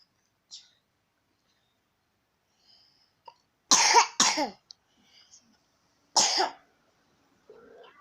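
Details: Ill with fever and cough for over a week, being treated with saga leaves: three harsh coughs, two close together then one more, in a quiet room.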